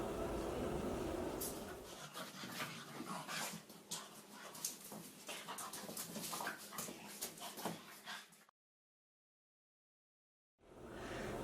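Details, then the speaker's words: Repeated whimpering and yipping from a dog in the post-ictal stage after a seizure: unaware vocalizing, disorientation, unable to stand or walk properly. "세번째 경영 후에 의식을 처리 회복하는 단계로 의식이 없는 짖음 방향 감각의 소실로 제대로 서지 못하고 제대로 걷지 못하는 증상 등 격려 의 여운이 남아 있는 평양 후 단계입니다"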